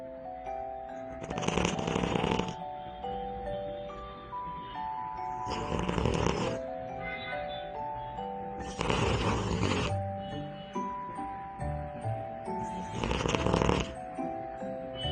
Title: Innocent Cute Cat Sleeping and Loud Snoring